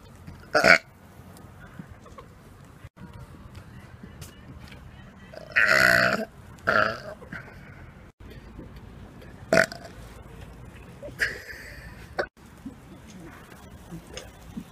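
Loud, drawn-out belches, one long and rumbling, among quieter ones, with faint background noise: burping.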